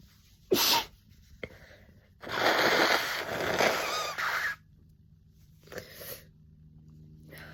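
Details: Messy, rapid, violent sneezing with a summer cold, nonstop sneezing: three forceful wet sneezes, one a long drawn-out burst, with sniffing between them.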